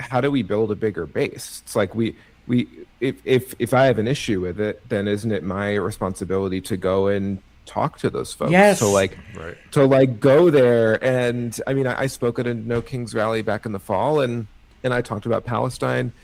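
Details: Adult male with cerebral palsy and a stutter he believes is related to his CP; his own conversational speech with part-word and word repetitions; stuttering.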